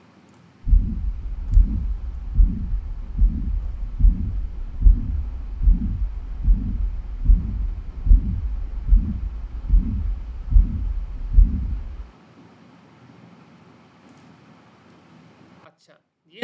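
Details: Normal heart sounds.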